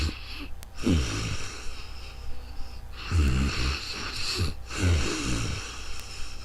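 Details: Snoring: rough, low rattling breaths recurring every couple of seconds over steady room noise.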